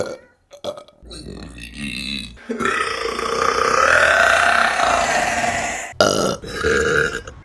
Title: Burping Compilation November #4 | RBC